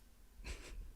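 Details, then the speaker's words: Sneeze from a cat that rarely sneezes. "my cat just sneezed could you hear that that was adorable"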